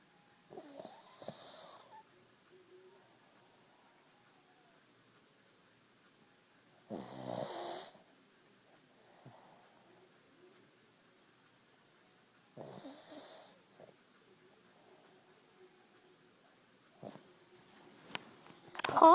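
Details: Sleeping pug snoring: three loud, rattling snores spaced several seconds apart in a quiet room. Snoring.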